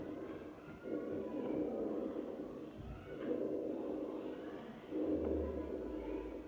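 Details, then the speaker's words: Lung auscultation teaching demonstration: continuous musical breath sounds, low-pitched snoring rhonchi and higher-pitched wheezes heard on both inspiration and expiration, rhonchi more prominent on expiration, over about three breath cycles. "os roncos São muito parecidos estão presentes tanto na inspiração quanto na expiração a diferença são só que os roncos são mais graves e o sibilo se apresentam de forma mais aguda"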